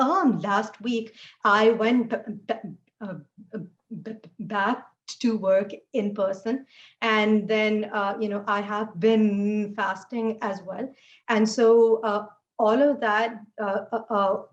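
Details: Adult woman who stutters; she says fasting and poor sleep take a toll on her speech; stuttering.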